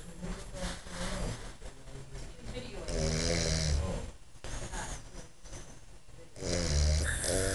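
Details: A man snoring: loud, rattling, low snores on breathing in, roughly 17 a minute and somewhat irregular, with quieter breaths between.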